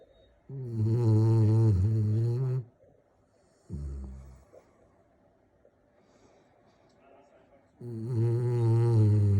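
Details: A sleeping Magyar Vizsla dog gives loud, deep, rattling snores with quiet gaps between them; snoring.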